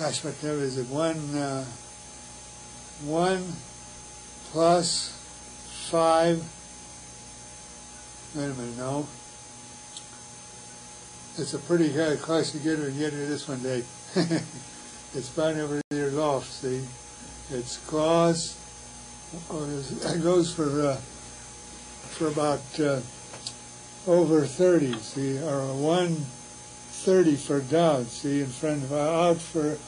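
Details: Wernicke's (receptive, sensory) aphasia in a man, producing fluent jargon.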